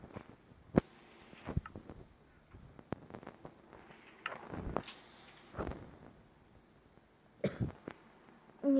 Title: Продолжение 2 серии! Извините пажалуйста за кашель!!!!